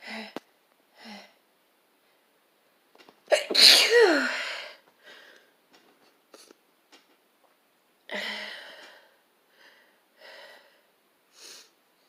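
One forceful sneeze with a sharp inward breath before it, plus several smaller breathy bursts and sniffs around it.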